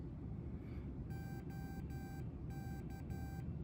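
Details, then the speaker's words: Six short high electronic beeps at power-on of a CADD-Solis ambulatory infusion pump over low room hum; the startup tone confirms the pump is working properly. "Okay, those 6 beeps sort of are your indication that the pump is working and in good working order."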